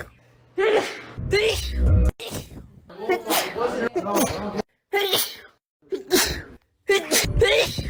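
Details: Rapid run of separate sneezes, each a sharp intake of breath then an explosive burst, with short pauses between; sneezing compilation.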